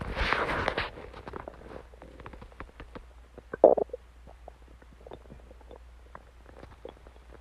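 A rumbling gurgle, then many small pops and bubbling clicks: ordinary stomach growling from gas and fluid moving through the gut.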